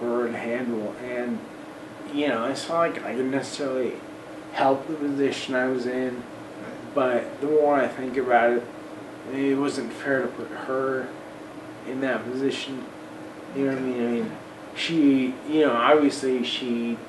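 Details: Man of about 40 with Friedreich's ataxia, electric wheelchair user; voice worse than 10-12 years ago, talking more of a struggle and much harder over the last 6 months or so; ataxic dysarthria.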